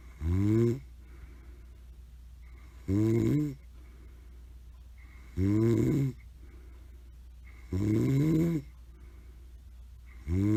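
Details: A grandmother snoring. Loud, rough snores repeat about every two and a half seconds, roughly 24 a minute, over steady room hum.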